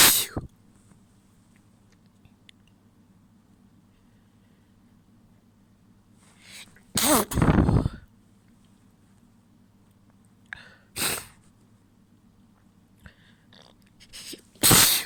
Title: Wet sneezes, few stifles and a nose blow